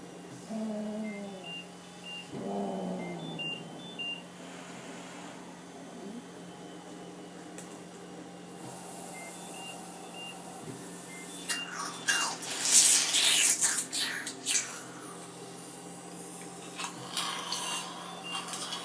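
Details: Cough assist then airway suctioning of phlegm in an ALS patient: steady machine hum with intermittent beeps, then bursts of hissing, gurgling suction as secretions are drawn from the airway.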